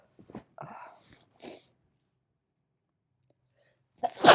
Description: purposely gave myself allergies so i could sneeze a lot :)